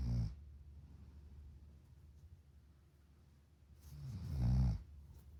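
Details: Deep, low rumbling snores with a long quiet pause between them, heard at the start and near the end; ordinary snoring during sleep.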